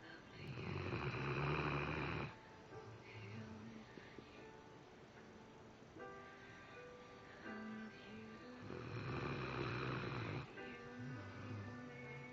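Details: Dog snoring while asleep: two long, loud, rumbling snores about eight seconds apart, with music in the background.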